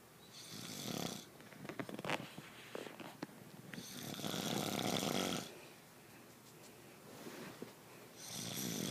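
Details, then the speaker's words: Loud, harsh rattling snores from a sleeping adult, each a long noisy breath, with rustling and clicks between. "What are you doing? Why you snore so loud? I was snoring."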